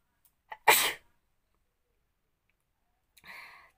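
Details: Sneeze deliberately induced with a matchstick during a sneezing challenge: a short intake of breath, then one sharp explosive sneeze, followed by a softer exhaled sound.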